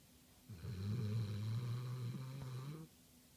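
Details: Pit pinscher dog snoring during sleep: a single low, rumbling rattle of about two seconds on an in-breath, with a steady buzzing pitch.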